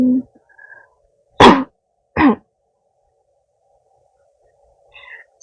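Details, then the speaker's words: Simulated roleplay: adult woman acting a girlfriend with a weak throat who has coughed often since childhood, coughing whenever she speaks; two sharp acted cough bursts in a quiet room. "이거 기침 계속하는 거 조금 힘들긴 한데 어쩔 수가 없잖아 내가 말할 때마다 계속 기침한다고"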